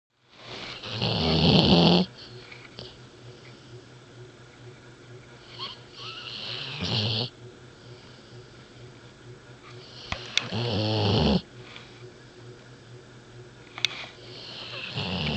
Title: American Bulldog Snoring.MOV